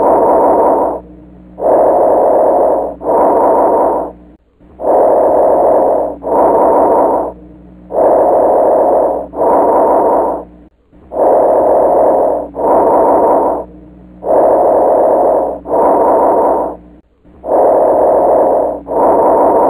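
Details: Bronchial breath sounds on lung auscultation: loud, hollow breathing with a clear pause between inspiration and expiration, about 19 breaths per minute.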